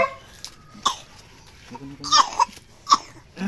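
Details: Infant coughing while unwell: several short, sharp coughs with brief whimpering cries between them; the baby reportedly vomited around this time.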